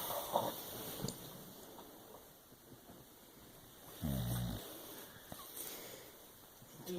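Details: Boxer dog asleep and smiling, later woken for his medication: a single low, rumbling snore partway through, otherwise quiet room sound with a couple of faint clicks.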